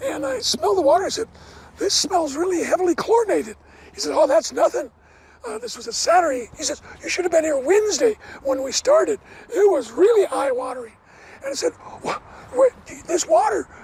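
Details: Adult man, never a smoker, with two bouts of vocal cord cancer (suspected secondhand smoke); one third of vocal cords removed in 2008, leaving raspy voice: dysphonia after partial vocal cord resection.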